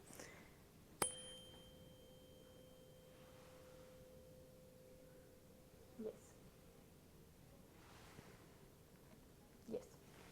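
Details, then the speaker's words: Demonstration head-to-toe physical exam for PA students: a sharp strike sets off a clear, steady tuning-fork tone that fades over several seconds, placed behind the ear for the Rinne hearing test. Faint voices follow. "Now, I'm going to ring it. I'm going to place it behind your ear. You're going to hear it. Once you stop hearing it, say yes."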